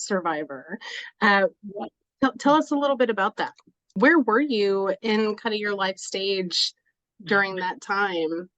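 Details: Adult woman speaking; no speech disorder.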